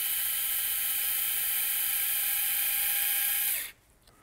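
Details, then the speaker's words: Steady high-pitched motor whine for about 3.5 seconds during a right partial knee replacement: a powered driver pins the size 2 femoral finishing block into place while upward pressure is kept on it. "Then we're going to pin the finishing block into place. Very important to keep upward pressure since this pin's going down."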